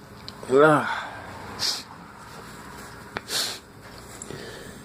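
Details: Morning sneezes after waking with a runny nose, following false starts: a brief voiced sound, then two short, sudden breathy bursts, a pair of sneezes, over steady room noise.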